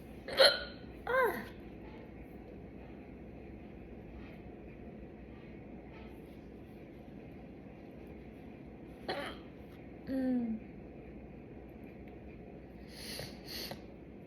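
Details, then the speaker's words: Woman with hiccups after chugging soda: abrupt short voiced hiccups at irregular intervals, some with a brief squeak, separated by quiet pauses. "That was like a yawn combined with a hiccup."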